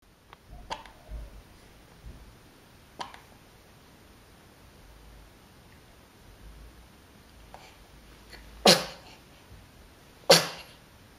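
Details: A 7-day-old newborn in bed sneezing and yawning: several tiny, sharp sneezes in a quiet room, the last two louder.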